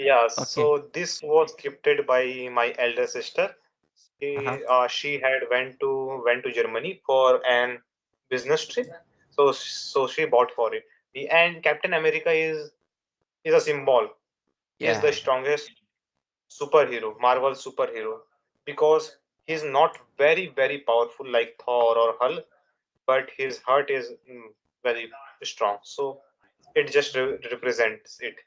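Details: Stuttering in an adult man.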